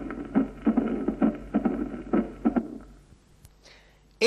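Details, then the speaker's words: Mitral stenosis, at the apex, best heard in left lateral decubitus, sinus rhythm: low-frequency diastolic rumble between beats building presystolically and ending with the first heart sound. "aumenta con el ejercicio porque este hace aumentar el volumen minuto si el ritmo es inusal la turbulencia a través de la mitral en mayor y el soplo se prolonga en precistole y termina con el primer ruido"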